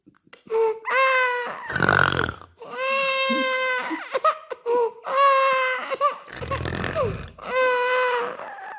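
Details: Baby crying in reaction to dad's snoring: repeated wailing cries with clear pitched voicing, separated by breathy gasps and noisy bursts; an ordinary infant cry.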